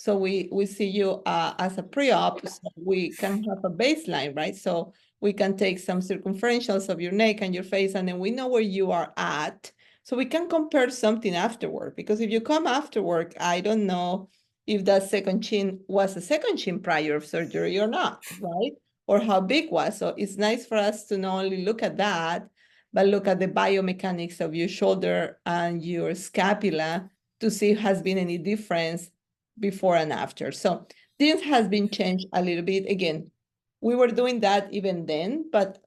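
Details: Adult speaker; ordinary speech.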